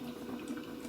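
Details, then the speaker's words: Simulated infant bubble CPAP, set to 5 cmH2O, after switching to a RAM cannula interface: continuous gentle water bubbling in the bubbler, showing resistance in the tubing and the circuit holding pressure. "immediately what i'd like you to notice is that it's starting to bubble so there is some resistance within that tubing that is causing it to bubble"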